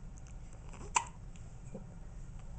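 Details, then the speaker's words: A baby girl, kicking her feet, gives a single sharp, brief hiccup over quiet room noise; hiccups. "hi jlyn you got the hiccups oh got the hiccups"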